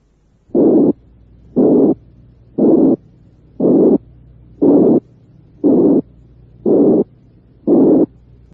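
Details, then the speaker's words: Recorded (Merck) teaching demonstration: a narrow-frequency-band murmur, blowing and high-pitched, resembling mitral or aortic regurgitation murmurs, repeating about 59 times a minute; high-pitched blowing murmur. "a un soplo formado tan solo por una estrecha banda de frecuencia lo denomino soplo soplante de tonalidad alta y este se parece a los soplos de nitral y de insuficiencia ótica cuando Estos no son demasiado"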